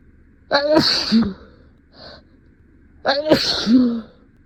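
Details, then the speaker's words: Deliberately induced sneezes in a comedy sketch about a cat allergy: two voiced sneezes, each a rising in-breath then a sharp burst, with a soft sniff between. "oh oh maybe maybe I am a little maybe I a little allergic to it I'll just take notes and it'll be fine"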